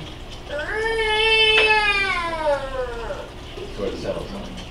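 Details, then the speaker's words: Cri-du-chat cry: a single high-pitched, thin, mewing cat-like cry of a newborn with cri-du-chat syndrome, a chromosome deletion causing slightly abnormal vocal cord development. "Cat cry syndrome. And the reason it's called that is newborn babies that have this condition, when they cry, it sounds like this."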